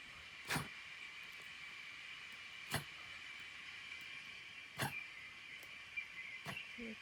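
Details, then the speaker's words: Cat coughing: four brief, sharp hacking bursts a couple of seconds apart over a steady background hiss. "Yeah, you're on a videotape his cough? I am. I'm videotaping him right now."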